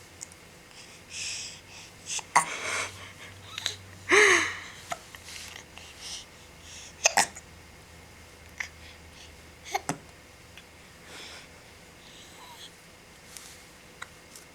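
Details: Infant boy with hiccups, wearing a bucket hat: several short, abrupt catches of breath at irregular intervals with soft infant noises.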